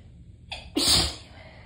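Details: Single sneeze from a tickly sneezing fit: a short breathy intake followed by one sharp, hissing sneeze burst.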